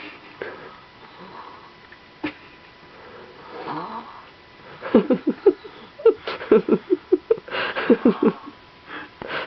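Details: Sleeping baby boy snoring: soft nasal breathing with short, squeaky, rattling snorts in quick runs.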